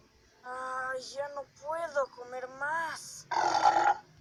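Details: A drawn-out, voiced, croaky belch that rises and falls in pitch and ends in a rougher burst; burping.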